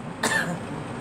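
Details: Girl coughing: a single short, fairly soft cough from a child, with faint room noise behind it.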